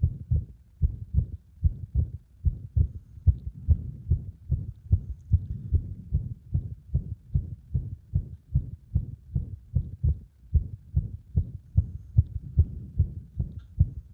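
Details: Heart sounds with frequent arrhythmia attributed to compression of the heart; about 74 beats a minute with uneven spacing, consistent with frequent extra beats; irregular heartbeat.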